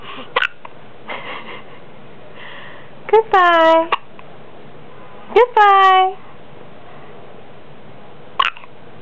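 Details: A young girl's short voiced attempts at talking are broken by sharp, brief gulping hiccups, about four in nine seconds.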